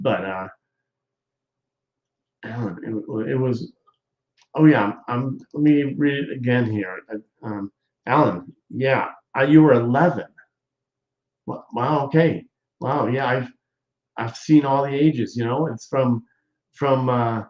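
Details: Adult man, apparently a stroke survivor, with aphasia; he presents ongoing talking as therapy for his aphasia, and a viewer notes improvement; aphasia.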